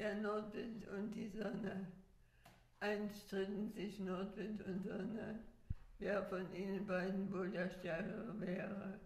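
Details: Patient with multiple system atrophy; strained high-pitched voice that could be mistaken for spasmodic dysphonia; laryngeal EMG showed dystonic co-activation and tonic cricothyroid activity; strained high-pitched voice (multiple system atrophy).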